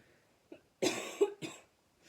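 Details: Adult who has been snuffy for the last few days, with two harsh, dry cough bursts, the first longer and neither with a wet rattle: dry cough.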